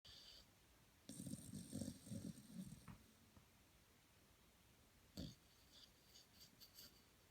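Faint fluttering snore bursts over steady room hiss, one longer rattle then a brief snort; quiet snoring.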